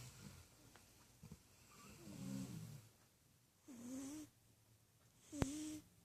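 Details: Dog and cat caught sleeping together, both snoring.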